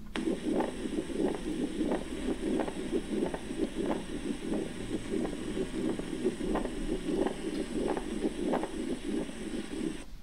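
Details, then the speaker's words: Pericardial friction rub, squeaking like pieces of leather rubbed together; best heard with the patient leaning forward or on hands and knees, breath held in expiration. "The rub sounds like pieces of leather squeaking as they are rubbed together. Rubs are best heard with the patient leaning forward or on hands and knees with breath held in expiration. Let's try to hear pericardial friction rub."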